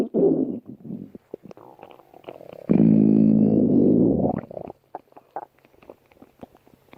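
Loud, prolonged gurgling growl with bubbly pops before and after; ordinary stomach growling.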